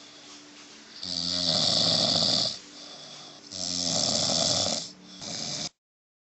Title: My Mom snoring xD